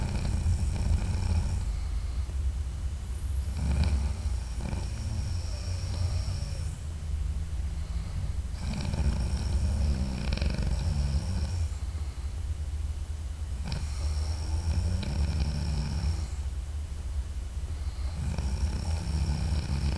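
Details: Adult man snoring while asleep at night, audio only: loud, deep rumbling snores in slow waves under heavy steady background hum; heavy snoring.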